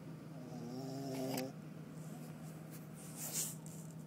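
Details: A soft, rattling snore on a breath, with a steady background hum; light snoring.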